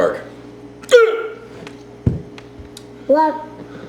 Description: Daddy gets the hiccups after eating a hot pepper.